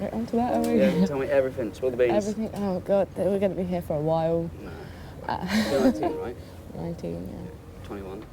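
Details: Young adult woman in conversation, with a second speaker; normal speech.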